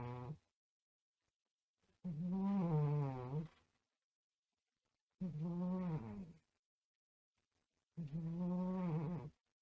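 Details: A cat snoring loudly while asleep in a bedroom: loud, drawn-out snores, about three over nine seconds, separated by quiet pauses; snoring.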